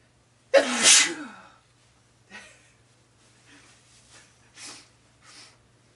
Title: Sneeze15